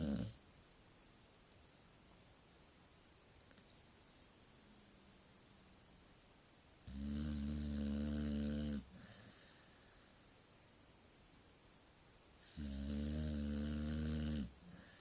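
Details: Sleeping Staffordshire dog ("stafford") snoring: slow, loud, rumbling snores with quiet pauses between breaths; ordinary snoring.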